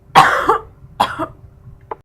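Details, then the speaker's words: Acted harsh, wet smoker's cough, two strong bursts and a faint third, simulated for an anti-tobacco radio PSA in which a grandmother sings about her blackened lungs. "darling let your granny tell you a little something about tobacco cough and hack my lungs are black why did I go and smoke that last pack"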